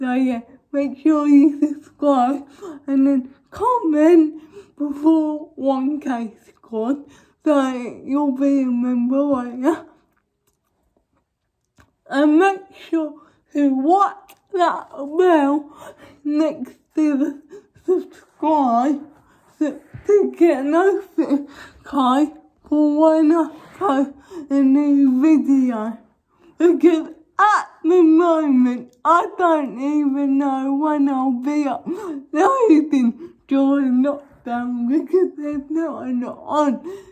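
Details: Adult woman with cerebral palsy causing much involuntary movement, needing suctioning during dental treatment, recently fitted with braces on top and bottom teeth; dysarthric speech in cerebral palsy.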